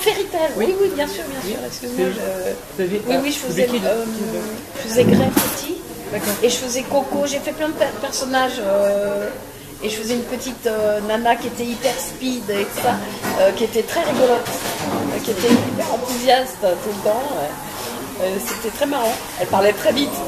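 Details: Adult female voice actress with a self-described slight stutter that returns easily when voicing children, which she links to childhood shyness; she also reports severe dyslexia causing word substitutions; stuttering.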